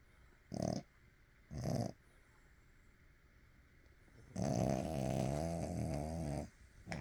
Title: Royal Princess ( )....Sleeping & Snoring. 04/27/2023